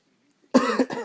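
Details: A funny cough: a short, strongly voiced cough in two or three quick bursts after a moment of quiet.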